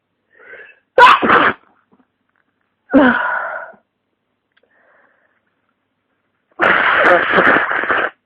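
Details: Person with flu and heavy congestion: three separate loud sneezes, the first two preceded by a short in-breath, in an otherwise quiet room.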